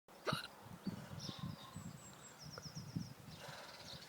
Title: Eh Marine Hiccups